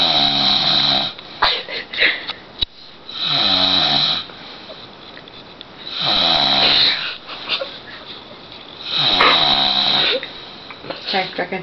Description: my dad doesnt belive he snores, so my mom made my vid. tape him snoring...